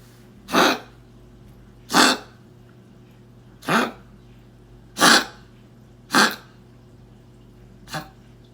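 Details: A small dog with kennel cough gives six short, harsh, dry coughs at uneven intervals.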